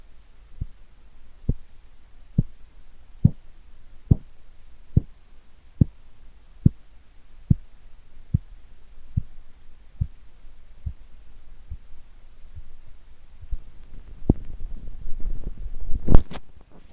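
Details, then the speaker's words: Korotkoff sounds recorded with a cheap broken microphone over the arm artery beneath a deflating cuff: regular taps at about 70 a minute strengthen, dip briefly, then fade as pressure declines. "and then you'll see the pressure gradually or you won't see the pressure sure but you're here these sounds change as the pressure declines"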